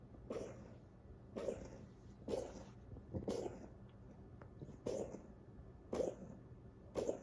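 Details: Coughing fit in a dog: a repeated run of about seven harsh coughs.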